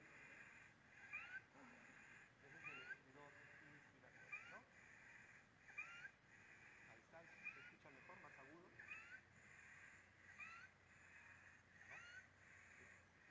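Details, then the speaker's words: Child with viral laryngotracheitis (croup), chest retractions including sternal recession but not needing oxygen: repeated raspy, high-pitched noisy breaths, inspiratory stridor from an obstructed upper airway. "Escuchan el sonido, es un sonido raspante, ¿no? Que está implicando una vía aérea alta que está obstruida."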